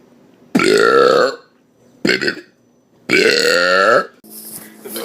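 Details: Compilation clip of burping: three loud, drawn-out voiced belches in a row, each with a rising croaky pitch, then brief mumbled noise.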